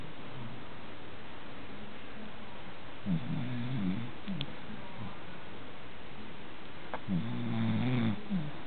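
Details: American Cocker Spaniel dog snoring during an afternoon nap: two low, buzzing snores a few seconds apart over steady recording hiss.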